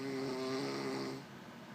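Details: A woman snoring: one loud, droning snore with a buzzing, vibrating tone, fading toward the end.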